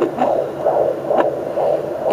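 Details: Fetal heartbeat on a Sonoline B pocket fetal Doppler in the mother's second pregnancy, recorded with her standing (louder lying down): rapid, regular whooshing pulses over a steady hum, with the baby's kicks or elbow bumps audible.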